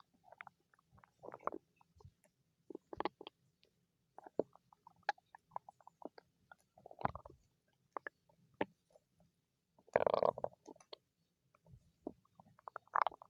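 Quiet intermittent gurgles and rumbling squeaks from the belly, typical stomach growling from gas and fluid moving through the gut.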